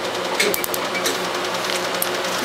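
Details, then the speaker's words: First Q-switched 1064 nm laser treatment on black ink of an old multicolored tattoo, with ice as an analgesic and the patient saying this part hurts more: rapid even clicking pulses over a steady machine hum. "this is the one that hurts more though this is the one that hurts more yeah cuz it penetrates"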